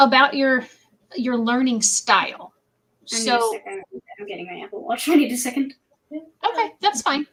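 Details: Cluttering in an adult woman, a mother of two, recently resurfaced and described as very fast speech with pauses in unusual spots; she also has autism, ADHD, dyspraxia and anxiety.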